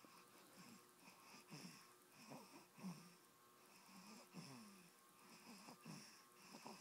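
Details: Snoring in a baby boy sleeping in his mother's bed: soft, irregular snuffly breathing with nasal snorting on several breaths in a quiet room.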